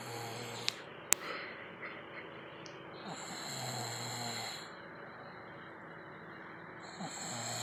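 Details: A man who says he never snores, recorded asleep: low, rumbling, rattling breaths repeat with a couple of sharp clicks and faint background hum; ordinary snoring.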